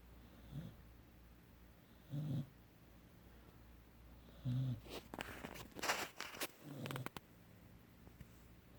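Short, low snoring sounds with each breath, about every two seconds, then a few rustling noises in a quiet room; ordinary puppy snoring.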